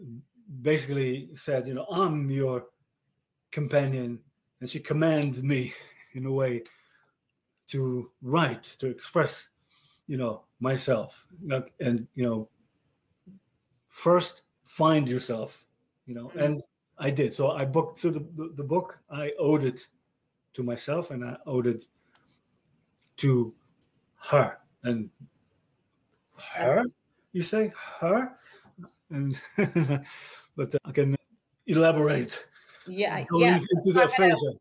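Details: Male stroke survivor with aphasia following a stroke about 30 years earlier: real, chronic post-stroke aphasia.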